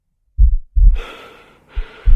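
Acted heavy, breathy gasping over deep thudding heartbeat sounds, imitating the air hunger of a panic attack.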